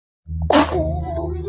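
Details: Sneeze in a baby: a single sharp, bursting sneeze followed by a brief vocal sound, over a steady low background hum.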